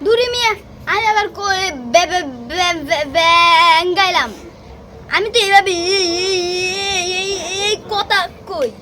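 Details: Acted stuttering by a performer in a Bengali comedy skit who, in character, claims to have stuttered since childhood; stuttering (acted).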